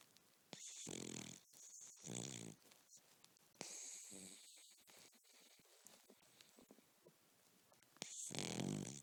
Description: Cavalier king charles napping and snoring